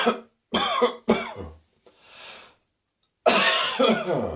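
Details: A run of dry, harsh morning coughs with throat clearing and gagging strain, from someone still coughing first thing in the morning after bronchitis; dry cough.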